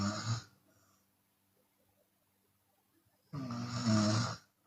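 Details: Loud, rough snore on the in-breath after a long quiet gap, with a softer breath out, from a Chinese woman snoring with her mouth open.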